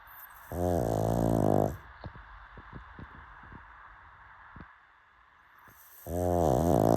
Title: Dog sounds 🐶 Pug Dogs Snoring 😴 #dogs #dog #pug